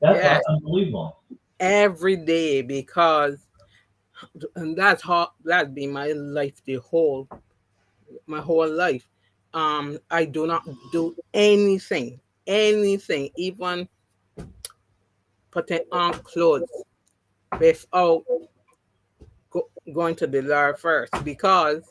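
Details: Adult woman with three strokes (2017, 2018, 2019); the first, a haemorrhagic stroke, took her speech and paralysed her right side; mild residual aphasia after partial recovery, with some words never returning.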